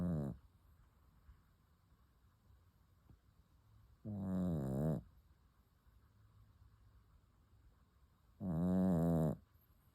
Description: Relax to the sound of a snoring puppy.